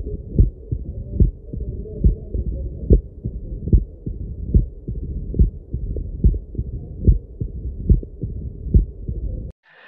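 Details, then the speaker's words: Mitral stenosis heard by stethoscope at the apex (mitral area, fifth intercostal space), where it is loudest with the patient lying on the left side: heart sounds at about 72 a minute with a low rumbling diastolic murmur. "you listen to a diastolic murmur this is how the murmur sounds like [Music]"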